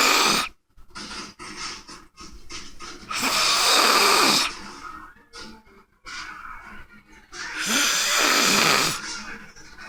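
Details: Sleeping man snoring "like a bear" while his nose is tickled: loud, harsh, rattling snores on each breath in, about every four to five seconds, with quieter breathing and faint rustling between; heavy snoring.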